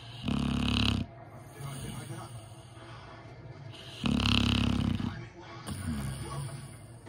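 Two loud rumbling snores about three seconds apart, with softer breathing noise between them: snoring.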